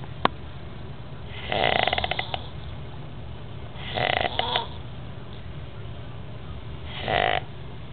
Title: Snoring